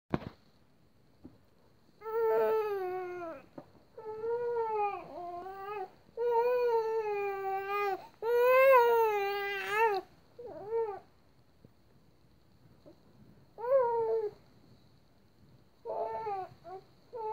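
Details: Baby girl awake at 5am after falling asleep around 2am: repeated bouts of clear, tonal infant crying with gasps and pauses between wails, in a quiet room.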